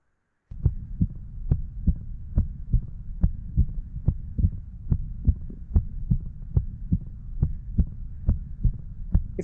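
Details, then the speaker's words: Regular heartbeat near 70 a minute with a sharp, clock-like metallic first heart sound over a low hum, played after normal heart sounds for contrast: prosthetic mitral valve click (metallic S1). "And this is how the prosthetic mitral valve will sound like."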